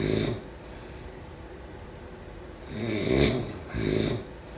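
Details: Slow, rough, fluttering snores on two breaths in a quiet room, during sleep: snoring.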